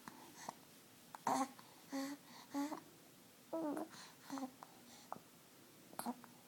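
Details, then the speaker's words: A 6-week-old baby's soft coos broken by brief, sharp catching sounds of hiccups. "Oh, there goes the hiccups."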